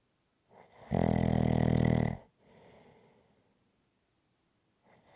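One long, loud, rattling snore on the in-breath, then a soft out-breath and quiet: typical snoring.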